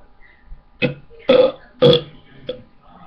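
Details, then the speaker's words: Four short, croaky belches close together, the middle two loudest, with faint room noise, after drinking lemonade; deliberate burping. "hello guys i'm gonna do another burp video"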